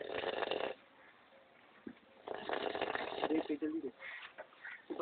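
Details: A cobra makes two long, rough, hissing breath bursts separated by quiet pauses, with faint voices in the background: snore-like sound, snoring.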